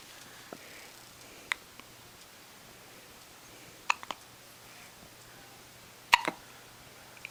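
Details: A 10-day-old baby girl, whose whole body shakes with each hiccup, gives soft, sharp, irregular hiccups, about four in seven seconds, against quiet room noise. Hiccups.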